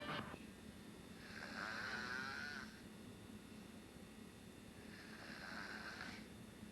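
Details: Two long, rough, rattling breaths about four seconds apart over steady room hum; a person snoring.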